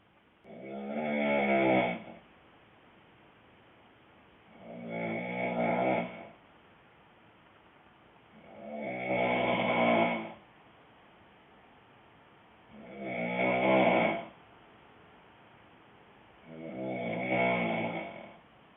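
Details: Boyfriend snoring: loud rattling snores on each in-breath, about 15 per minute, with quiet gaps between.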